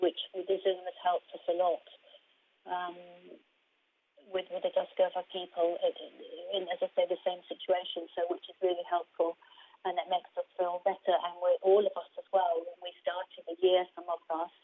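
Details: Aphasia in an adult woman after a stroke in 2019; her main difficulty is processing what she hears rather than getting words out, and at first she could not speak at all.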